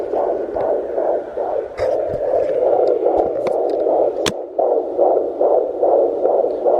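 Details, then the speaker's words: Twin pregnancy at 13–14 weeks, home fetal Doppler: fast, regular, loud whooshing pulses at about 145 a minute, described as strong; normal fetal heartbeat. "145 man that is loud that's the boy that's the girl"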